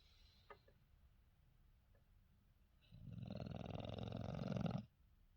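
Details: Female English Bulldog/Shar Pei mix snoring: a single long, loud, fluttering snore lasting about two seconds after quiet breathing.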